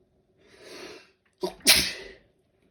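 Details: A soft breathy inhale, then a short catch and one sharp, hissy sneeze burst, from a mini sneezing fit; sneezing.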